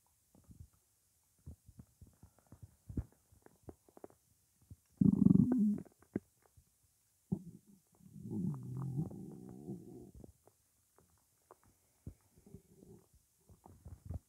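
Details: Quiet gurgles and clicks, then two longer low growls, with only water in the stomach; normal hunger rumbling (bowel sounds).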